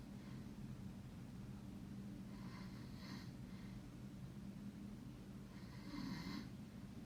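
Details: Two low rumbling, rattling snores on in-breaths over a steady low room hum: snoring.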